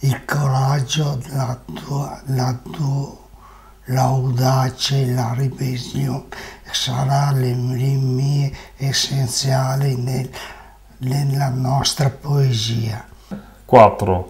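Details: Aphasia with word errors in a speaker reading Italian Futurist poetry and manifesto text aloud, from an artwork on aphasia.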